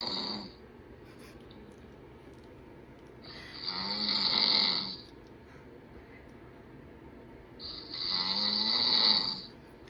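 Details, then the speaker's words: Woman's own night-time snoring, recorded before she bought an anti-snoring aid: loud, rattling snores on each breath in, about 14 breaths a minute, with quiet gaps between. "El audio que acabo de enseñarles soy yo arroncando. Literalmente no me lo puedo creer, pero tuve la necesidad de comprarme esto."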